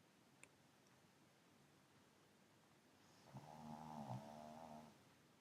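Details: Pug asleep on a sofa, one soft, low, buzzing snore on an in-breath after quiet room noise: snoring.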